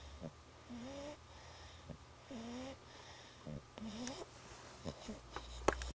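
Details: A sleeping male puppy snores with high, whistly squeaks on each breath, about three breaths in six seconds.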